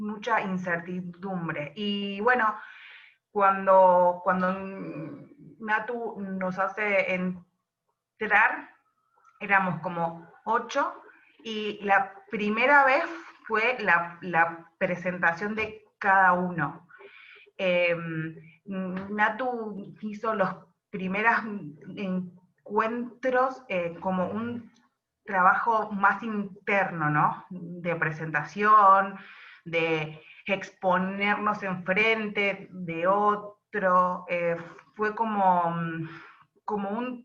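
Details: Adult woman who describes herself as a stutterer (tartamuda), speaking in a Spanish interview about doing stand-up comedy; stuttering.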